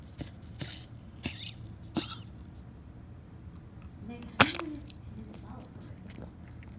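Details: A cat named Oliver giving a long run of short, harsh, hacking choking-like coughs, quiet room noise between; owner suspects a hairball.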